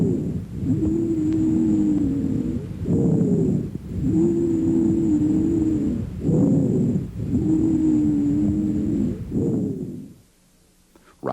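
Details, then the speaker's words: Teaching example of wheezes: continuous, musical, relatively high-pitched hissing or shrill whistling tones through each breath over several cycles, lasting longer than crackles, from narrowed airways. "compared to crackles wheezes and rhonchi lasts much longer and sound more musical wheezes are relatively high pitched and have a hissing or shrill quality"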